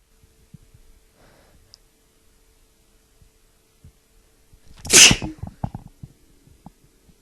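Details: Person with a bad tickly cold: a single loud, explosive sneeze in a quiet room, followed by a few small sniffs and breaths.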